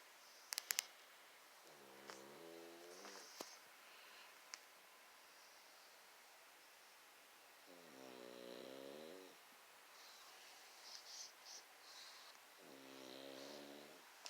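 Three slow, rumbling snores from a sleeping small dog, about twelve breaths a minute, in a quiet room.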